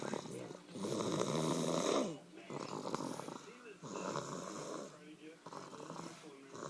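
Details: Snoring in a sleeping one-year-old on Christmas night: repeated loud, buzzing snores, several in a row with short pauses, in a quiet room.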